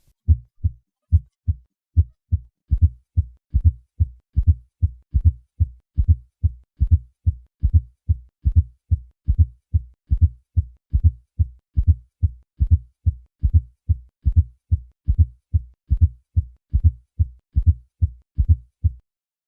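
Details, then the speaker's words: Fourth heart sound (S4) at the cardiac apex, patient in left lateral position: regular low heart sounds about 72/min with soft extra sound in late diastole just before S1, a triple rhythm; indicates a stiff, non-compliant ventricle. "a fourth heart sound indicates that a ventricle is stiff and non-compliant"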